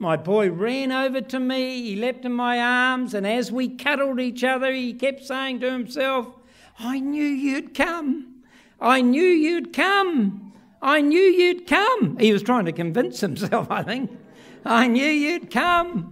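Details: Adult male speaker; typical speech.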